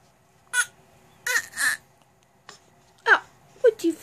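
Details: Young girl with hiccups, comforted by her mother; several short, abrupt vocal catches with sharp onsets and small whimpers in a quiet room; hiccups.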